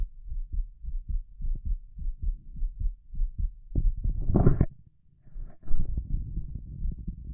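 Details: Own heart beating faster than usual from excitement at being on camera, with quick stops over the pulmonic valve and Erb's point and a visible apex beat; quick, regular paired normal heart sounds with a brief chestpiece scraping noise.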